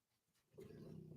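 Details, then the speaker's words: Sleeping puppy: after near silence, a soft, low, steady rumbling, a single quiet snore. "puppy is snoring right now, if you can hear it, it's really cute."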